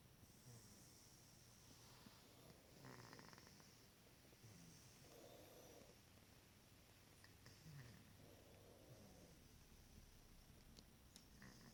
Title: Snoring cat!